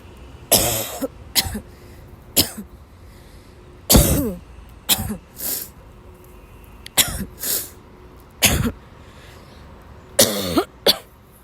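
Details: About ten harsh, dry coughs in quick clusters over roughly ten seconds, from a sick young woman who had to leave class, woke up ill with sore throat; coughing fit.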